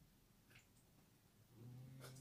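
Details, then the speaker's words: A cat lying asleep snores with a quiet, low, steady rumble toward the end, over faint room noise and a few soft clicks. "derrière sais pas si vous entendez ronfler c'est mon chat qui o'malley qui ronfle les coucher sur son coach banier"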